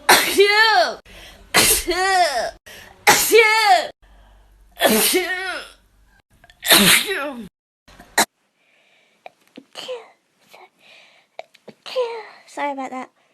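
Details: Five loud sneezes in quick succession from a TikTok sneeze compilation, each a sharp burst with a voiced 'choo', then quieter sounds and a brief voice.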